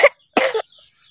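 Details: Young child sick with a cough, carried in arms on a morning village walk and refusing to be put down: two short, sharp coughs, the second slightly longer and harsher; cough.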